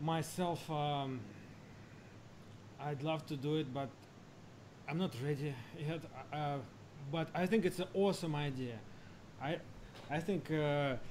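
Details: Adult man who has stammered all his life, managing it with prolonged speech and relaxation techniques; stammering (stuttering).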